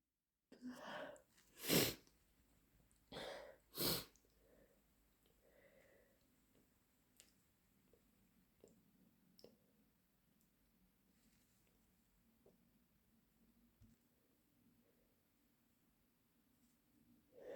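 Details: Induced or hay fever sneezing: three wet sneezes in quick succession, then sniffing and quiet breathing in a room.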